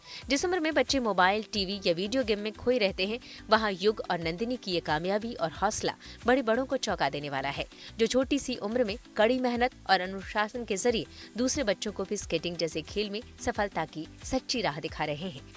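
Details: Adult female news narrator; normal speech.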